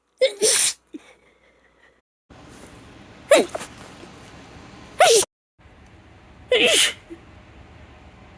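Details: Female with a stuffy head cold sneezing: four sharp, explosive sneezes, each with a brief breath in before it, and nasal sniffing between them.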